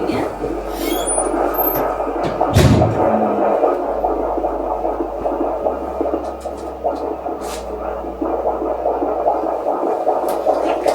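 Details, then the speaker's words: Fetal heartbeat on Doppler during labour, waters broken: fast rhythmic whooshing beats about 146 per minute over a steady hum, probe placed low on the abdomen. "you hear the knocking jaline that's baby's heart"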